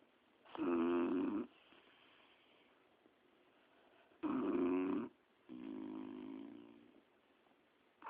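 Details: Rough, buzzing inward snores lasting about a second, with a softer snore on a breath out, from sleepers lounging on a sofa in a quiet room.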